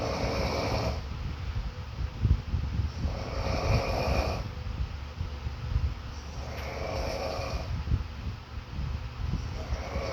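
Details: Snoring: rough, rattling breaths rising and falling about every three seconds.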